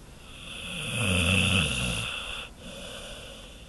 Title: Monkey snoring